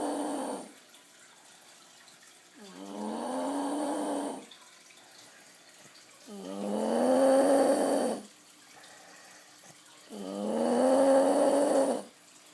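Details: Husband sleeping, filmed by wife: loud, rumbling tonal snores about every four seconds, roughly 16 a minute, with quiet pauses between; heavy snoring.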